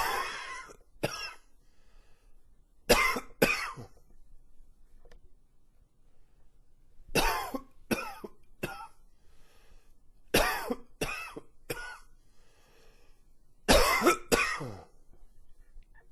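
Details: Repeated clusters of harsh coughs, about a dozen bursts in runs of two to four with quiet gaps between: a coughing fit.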